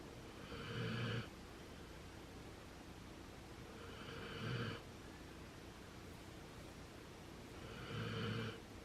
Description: Here he is sleeping next to his sister dog Chubbs and snoring at the same time.